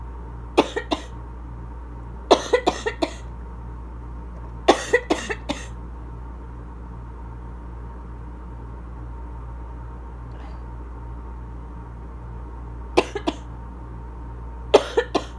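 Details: Person with asthma: five bouts of repeated coughing, about seventeen coughs in all, growing chesty and congested, with an inhaler possibly audible in the background. Congested asthma cough.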